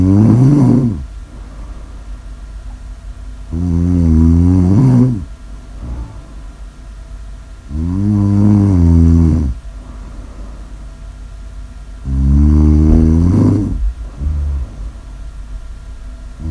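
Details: Snoring: loud, rattling, vibrating snores on each in-breath, about 14 per minute, with quieter out-breaths between.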